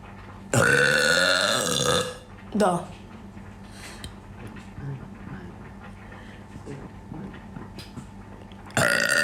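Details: Deliberate competitive burping match: three loud, voiced belches of varying length with quiet room noise between them.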